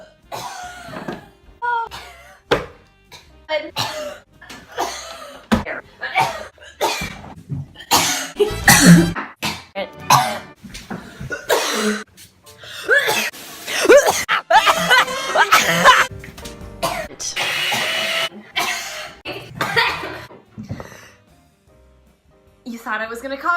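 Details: Adult woman coughing for 30 seconds straight in rapid forced bursts, done on purpose rather than from illness; voluntary repeated coughing.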